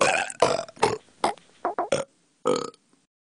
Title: Burps Burps And Burps